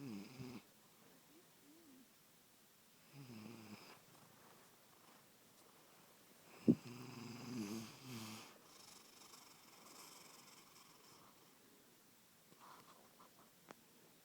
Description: My kitty snoring, you can hear him a room away.